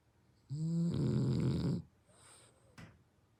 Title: フレブル を検討してる人に見てほしい。フレブル のイビキがおじさん並な件。#ブヒ#ブヒ会#ブリンドル #フレブル #フレンチブルドッグ #frenchbulldog#truffe#snoring